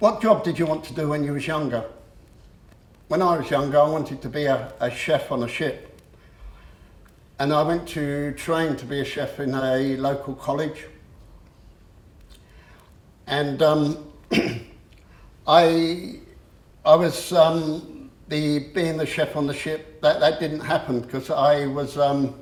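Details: Adult man who has stammered since about age seven, onset after the shock of losing his parents, and who still stammers on a few words; stuttering.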